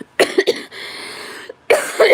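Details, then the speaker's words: A few harsh, wet cough bursts and a throat clear, a chesty cough; the speaker has been sick over a week and feels terrible. "I I slept until 1:00 because I feel like garbage. And I will be coughing when I go on panel like I went last night."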